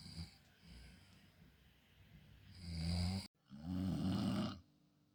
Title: snoring challenge 😴 between me and her. . .who takes the award????🤣🤣🤣